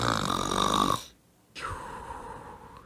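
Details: Snoring attributed to the characters 40 and 90, described as far too loud: a loud, rough, vibrating breath sound, a pause, then a second rattling breath, with music. Snoring.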